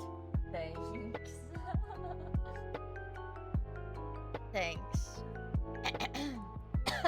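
A few brief throat clears and a short cough from an adult woman with a cold, partly masked by loud background music.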